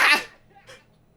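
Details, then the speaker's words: A podcast host announces an allergy attack, then a single sharp, explosive burst of air fades quickly into a faint short exhale; a typical adult sneeze. "oh my god i'm about to have an allergy attack"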